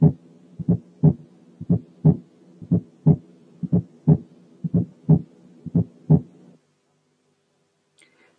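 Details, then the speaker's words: Fourth heart sound: regular rhythm near 59/min, soft low extra sound just before each S1; heard with the stethoscope bell applied lightly, at the apex or lower left sternal border. "ان الفيرست ساوند مش لب بس، لا ده في قبليه حاجه زي كده درب، والدي اللي بنطقها قبل اللب هي الفورث هارت ساوند."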